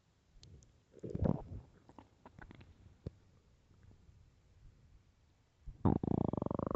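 Loud gurgling and rumbling stomach growls in bursts, ending in a long drawn-out growl; ordinary bowel sounds of an empty stomach.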